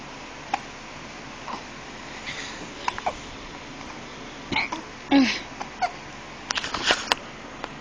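Several short, abrupt hiccup sounds from a young infant over steady background hiss, a common harmless event at this age.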